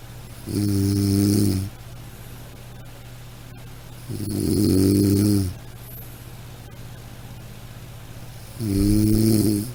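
Loud, rattling snores on each breath in, about 18 a minute, with quiet between.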